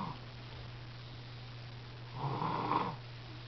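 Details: Snoring: one soft, brief, nasal light snore over a steady low hum.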